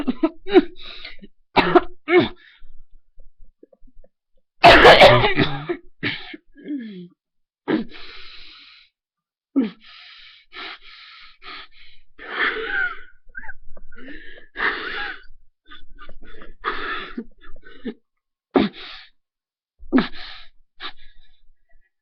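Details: Repeated harsh coughing bursts with gagging and retching, airway giving way; person described as dying.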